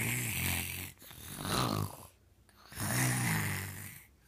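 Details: Loud, rough rattling snores on each breath in and out with short quiet gaps, about three breaths heard: ordinary snoring.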